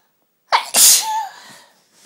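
A single forceful sneeze: a sharp in-breath, then an explosive burst of air with a brief voiced tail.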